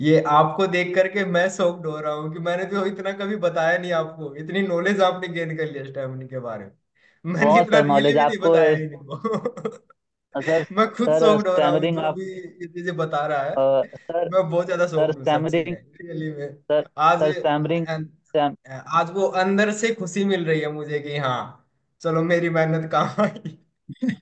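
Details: Adult man speaking Hindi; no speech disorder.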